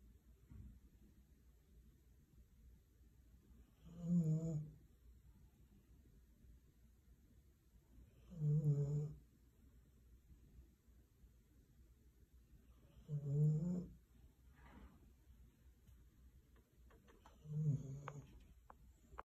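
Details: A husky snoring: four low, rumbling snores about every 4.5 seconds, roughly 14 a minute, in a quiet room.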